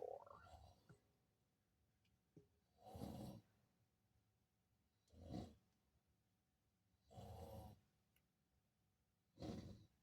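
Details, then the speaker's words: Person sleeping nearby in a kitchen during cooking: loud, rough, rumbling snores in a regular rhythm, about 27 a minute, against quiet room noise; ordinary snoring. "Don't mind the sound, guys. snoring. Don't know if y'all can hear that."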